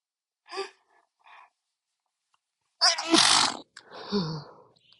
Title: Uncontrolled Sneezing (m)